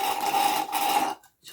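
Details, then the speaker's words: Portable all-in-one handheld suction device used to clear a tracheostomy: a steady, buzzing, rasping motor hum lasting about a second, then stopping. "Et puis quand on est prêt on on succionne."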